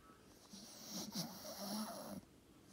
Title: Snoring Staffie video B